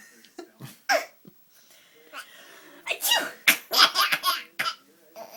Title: Baby Laughing at Mommy Sneezing